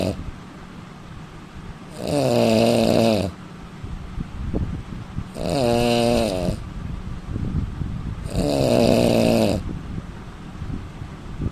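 Loud, rattling, tonal snores on each breath in, three in about eleven seconds, roughly 19 breaths a minute.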